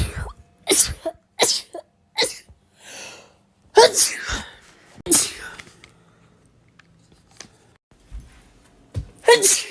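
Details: A rapid run of about seven sharp, high sneezes with short breaths between, from a person in a compilation of rapid sneezes; repeated sneezing.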